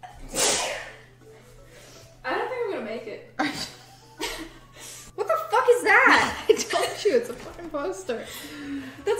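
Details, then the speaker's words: Intoxicated woman during a bath bomb video, in a sneezing fit of about seven sneezes; others ask if she is allergic to bath bombs and mention Benadryl: a loud explosive sneeze, then laughing and excited talk. "are you allergic to bath bombs dude no he's not 17. benadryl that was seven times really yes when i told you to shut up it was five and then you had the audacity to sneeze"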